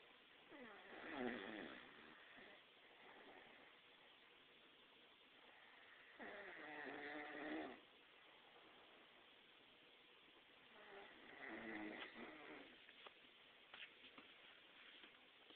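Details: Loud rattling snores from an adult man napping in a chair, about three in fifteen seconds, with quiet breathing between.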